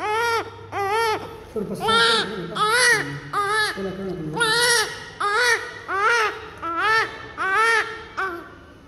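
Rhythmic, strong newborn crying in repeated bursts, about 11 cries in nine seconds, with faint adult voices behind; a vigorous normal newborn cry.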